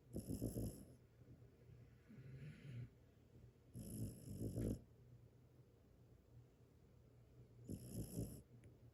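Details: Dog snoring in loud, rumbling bursts about every 3.5 seconds with quieter breathing between; snoring.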